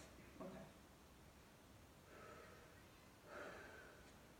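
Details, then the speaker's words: Male subject during a lung and thorax assessment, asked to breathe in and out through his mouth while the examiner auscultates: slow, deep breaths with soft airy rushes, heard in the room; deep mouth breathing. "I want to listen for a whole breath sound, in and out, in and out, and he's gonna be breathing with his mouth."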